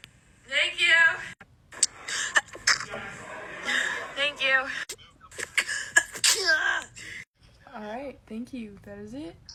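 Several voiced, high-pitched sneezes in quick succession, each with a sharp catch of breath before it.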